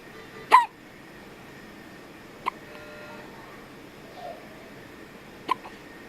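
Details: 2-week-old infant at a children's hospital: three brief, sharp hiccups a few seconds apart over a quiet background; hiccups.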